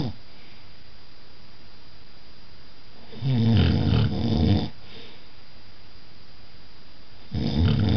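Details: Partner snoring during sleep: two loud, rattling snores on inhaled breaths separated by quiet pauses; ordinary snoring.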